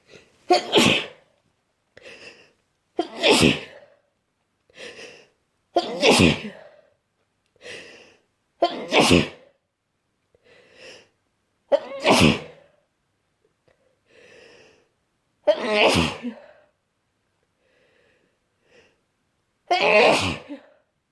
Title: Desperate cold sneezes